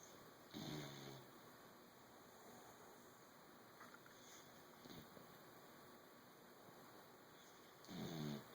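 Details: English bulldog–basset mix puppy snoring a lot and loudly while asleep: two loud, low rattling snores about seven seconds apart over steady room hum.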